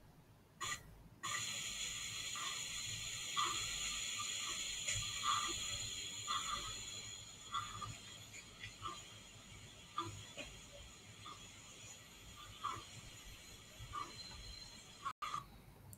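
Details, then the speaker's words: Paediatric respiratory distress: soft, short expiratory grunts with each rapid breath out over a steady hiss, produced by closing the glottis during expiration to maintain PEEP. "so how they maintain peep is by closing the glottis during expiration and um that's what produces this granting noise you need to listen carefully for this grunting during expiration"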